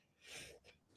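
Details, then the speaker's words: Adult sneezing during a conversation, followed by laughter: a single short, hissing burst with a smaller follow-on puff. "[laughter] sorry, sneezing."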